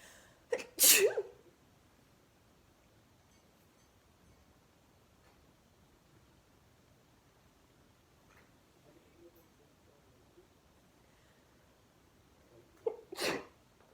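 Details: Sneezing fit of 26 sneezes caught while watching TV: two sharp explosive sneezes about twelve seconds apart in a quiet room.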